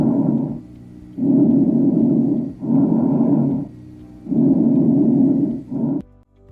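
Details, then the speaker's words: Stethoscope over trachea and sternum: loud, hollow, blowing breath sounds with short gaps between phases; normal bronchial breath sounds, louder than vesicular murmur. "Los murmullos bronquiales es un sonido más fuerte yás, espero que se puede escuchar sobre la tráquia y esternón."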